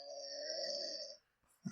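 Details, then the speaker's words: Adult man snoring, recorded by someone else; one long, loud buzzing inward snore then a grunt; he can't breathe through his nose lying down and says he may need an operation. "That doesn't sound healthy, does it? That's what I sound like."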